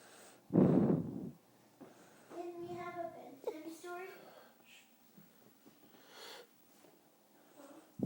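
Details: 5-month-old baby boy asleep on his father: one loud snorting breath, followed by quiet breathing and soft voice sounds in a small room.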